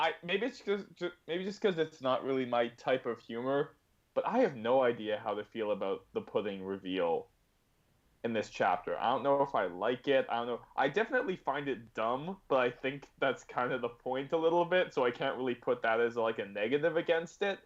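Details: Adult male speaker; ordinary speech.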